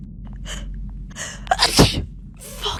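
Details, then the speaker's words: Woman trying to make herself sneeze within 15 seconds by poking a piece of grass in her nose; induced sneeze. "trying to make myself sneeze in less than 15 seconds with a piece of grass"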